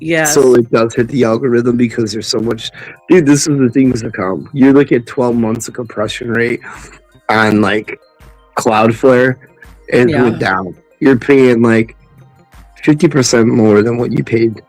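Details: Adult male speaker in casual conversation, possibly a second speaker; ordinary conversational speech.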